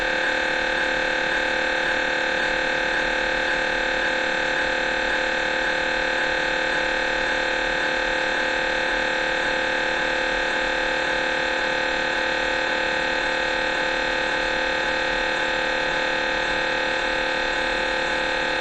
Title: MRI hangok/sounds